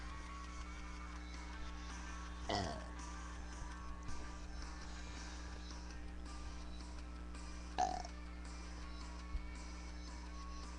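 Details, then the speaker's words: Deliberate belching from a person who reports feeling nauseated after practicing: two short, low, gurgling burps over steady background hum with faint music. "hello YouTube um I'm making a video again with me burping and I haven't been one in a while"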